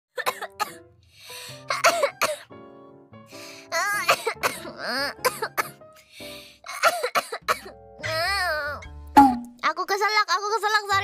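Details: An adult woman coughs in several sharp bursts after choking, then says it is just a little cough; background music plays. Cough after choking.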